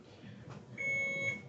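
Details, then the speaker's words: Infusion pump occlusion test with an IPA 3100 analyzer: pressure builds in the occluded tubing until the pump alarms; steady high-pitched electronic alarm tone starting partway through, over room noise. "it's showing me the peak pressure and how long it took to reach that Peak I'm going to stop the pump so it stops yelling at me"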